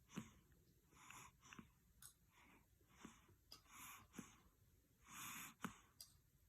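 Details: Baby GD fell asleep on the owner's lap during a morning feed, snoring with eyes open: soft, rapid, noisy breaths with faint whistling, light snoring.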